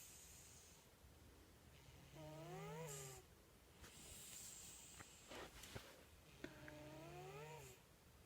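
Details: Old male pet, about 13 years old, recorded shortly before he died, snoring while asleep: two soft, buzzing, tonal snores on breathing in, with faint room noise.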